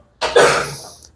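A single forceful, harsh cough from an adult with an abrupt onset and a fading noisy tail, in a quiet small room.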